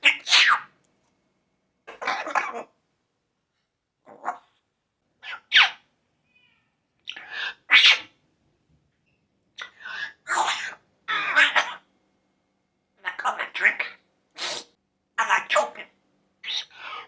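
Sharp, high, short bursts in quick groups with silent gaps, a bird's sneezes and small coughs.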